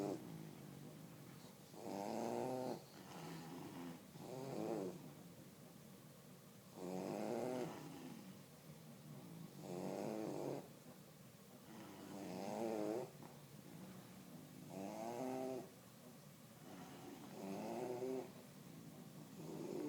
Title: Sleepy/snoring bullies